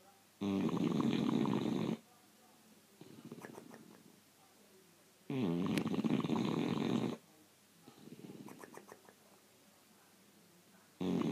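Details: Loud, rattling snores on each breath in, with quieter breaths out between them, about every 5 seconds: heavy snoring in a sleeping bulldog.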